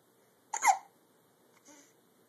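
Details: A single sharp, voiced catch of breath, then a softer second sound in a quiet room, consistent with a hiccup.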